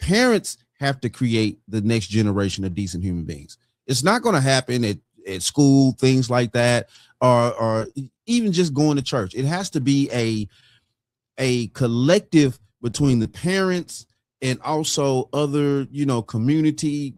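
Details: Adult man speaking; ordinary speech.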